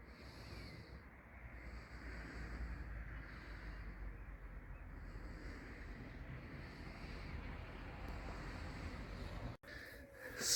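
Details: Repeated noisy rasping breaths over a low rumble, recurring every couple of seconds: snoring from a sleeping adult male hiker sharing a quiet room on the pilgrimage trail.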